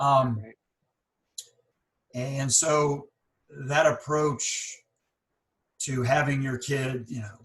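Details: Stuttering in a speaker on a podcast by and for people who stutter, with audible pauses and word repetitions.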